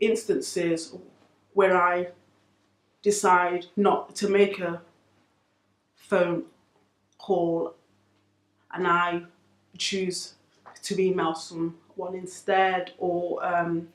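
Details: Adult who stammers, reporting that stammering currently has little impact on daily life though sometimes chooses email over phone calls; stammering.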